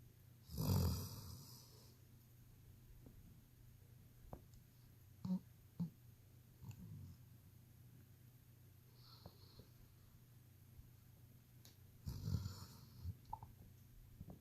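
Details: German Shepherd dog snoring while asleep: two loud, rough snoring breaths about ten seconds apart, with faint snuffles between in a quiet room.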